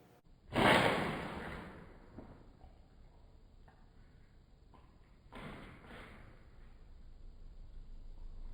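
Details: A female cat sneezing and slinging snot: two sharp explosive bursts of air about five seconds apart, with quieter wet snorting between; sneezing.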